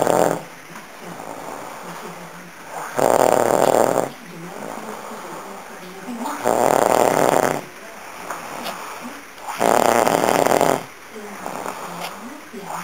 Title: Ronquidos.wmv